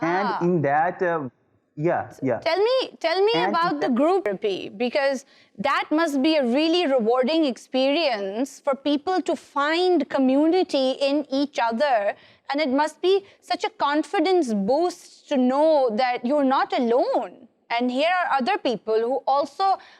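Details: Adult woman speaking; typical speech.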